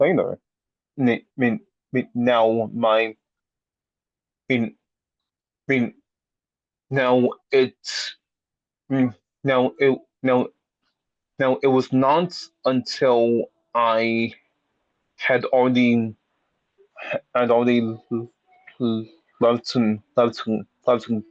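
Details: Person who stutters speaking in a peer support session, with repetitions and restarts; stuttering.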